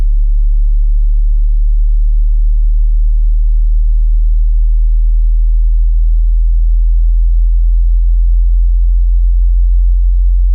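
Steady, very low pure tone held without change, one test frequency from a simulated hearing test.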